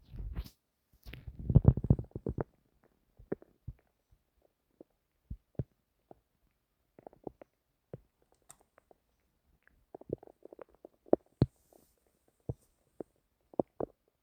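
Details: A burst of gurgling rumble, then scattered short pops and gurgles in a quiet room, recorded while trying to sleep; stomach noises, bowel sounds (borborygmi).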